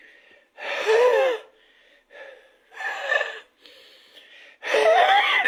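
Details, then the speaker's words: Expiratory flow acceleration technique in cystic fibrosis physiotherapy: rapid, forced expiration after inspiration, with open or closed glottis, likened to exercises improving peak expiratory flow; forced expiration technique. "accélération du flux expiratoire inspiration expiration plus rapide et forcé à ouverte glotte fermé les deux sont justes"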